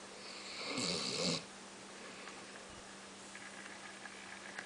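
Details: Occasional snorer asleep: a single rough, snorting snore on one breath, then quiet breathing against a steady background hum; snoring.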